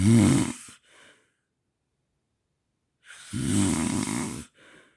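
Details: Sleeper with snoring and sleep apnea, best moments over four nights: two loud, rough, rattling snores separated by a long silent gap, each followed by a softer breath; heavy snoring.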